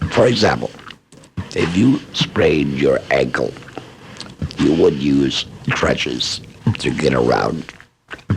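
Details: Adult laryngectomee who is also a speech pathologist, speaking with esophageal voice after laryngectomy; esophageal speech.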